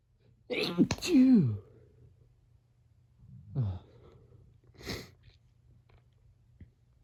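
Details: One sharp, voiced sneeze with a falling tail, then softer vocal sounds and a sniff in a quiet room.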